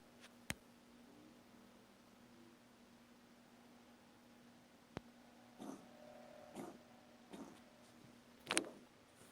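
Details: Cat coughing: four short, harsh bursts over a steady low room hum, with a couple of sharp clicks before them.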